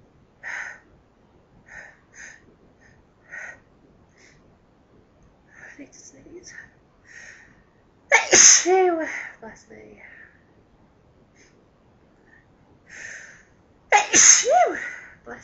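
Two loud, forceful sneezes, each with a sharp inhaled build-up and explosive release, amid quiet sniffs and breaths.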